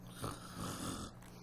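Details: Adult woman known to snore giving a voluntary imitation snore during a snore screener airway assessment: a single low, rattling snore-like breath of about one second, soft, brief fluttering vibration.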